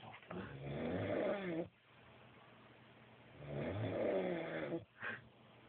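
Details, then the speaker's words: Two long, loud, fluttering snores with a short snort after, in a quiet room, from a man described as drunk while asleep; heavy snoring. "Du schnarchst extrem."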